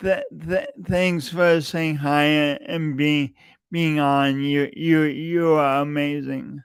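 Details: Stuttering with word repetitions in an adult male podcast host with a long-standing speech impediment that he denied for years.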